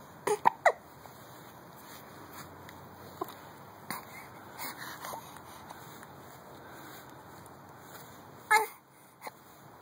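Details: Dog Ronin hiccuping: several short, abrupt hiccup sounds at irregular intervals against quiet room noise.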